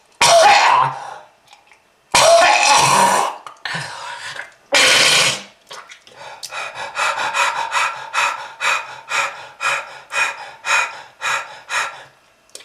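Several harsh, wet coughing bursts, then a run of about fifteen rhythmic hacking coughs: a prolonged coughing fit from smoking-related lung disease.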